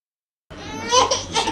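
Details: A baby girl gives a short, high-pitched cry in a clinic in Nigeria right after a shot of a vaccine with 4 combined antigens.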